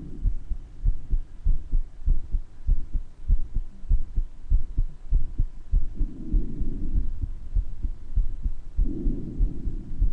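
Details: Self-recorded recording of the person's own heart murmur with breath sounds audible; the murmur is heard better in some parts of the recording than in others.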